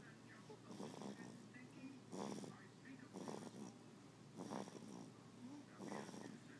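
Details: A person snoring: soft, rough, rhythmic breathing noises recurring every second or so over a steady hum.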